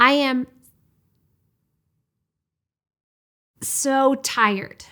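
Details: Stuttering block demonstrated by a speech-language pathologist, in which no voice or sound comes out and the mouth cannot move to continue speaking; stuttering block (demonstration).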